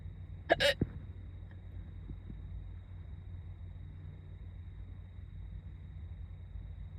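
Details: A single sharp hiccup over steady car noise, then quiet; hiccups that started while a student was doing her makeup in the car before school.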